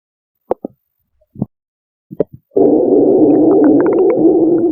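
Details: Ordinary stomach growling (borborygmi) from a woman's belly: a few short gurgling pops, then a sustained low rumbling growl.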